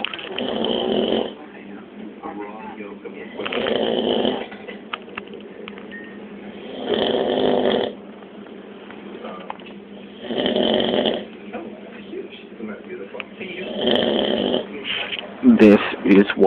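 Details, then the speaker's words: Man snoring very loudly, likened to a foghorn: loud, rough, rattling snores about every three and a half seconds, roughly 17 breaths a minute, with quieter breathing between; heavy snoring. "i hope you can hear the fact that kyle sounds like a [ __ ] foghorn it's unbelievable"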